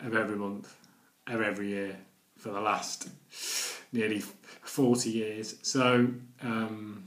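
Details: Adult man who reports stammering daily for nearly 40 years, speaking in his own stammering video blog; stuttering.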